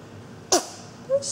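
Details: 6-week-old infant: one sharp, high sneeze burst followed by a brief squeak in a quiet room; a single sneeze.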